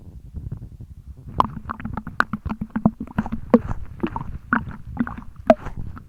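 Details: Someone who just drank almost a litre of milk in one go, jiggling the full belly: irregular watery sloshes and gurgles. Harmless stomach sloshing and gurgling.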